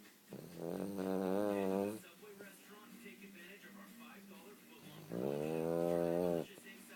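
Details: Two long, rattling, tonal snores about five seconds apart, roughly twelve breaths a minute, with quiet breathing between; snoring.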